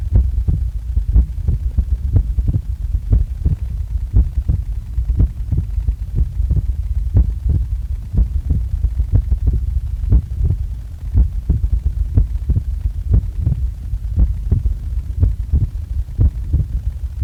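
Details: Heart sounds recorded just after waking up: steady low heart thumps at about 59 beats a minute over a constant low hum; normal resting heartbeat.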